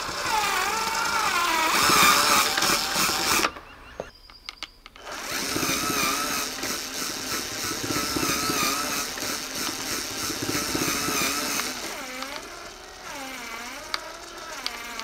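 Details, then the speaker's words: Homemade wooden mechanical ventilator driven by a battery drill pressing an Ambu bag placeholder: whining, buzzing motor noise with squeaky mechanical cycling and a short pause. "in any case I think I mastered the mechanical challenge I think this now has some kind of purpose and I'm using just wood and a little bit of parts that you can get anywhere"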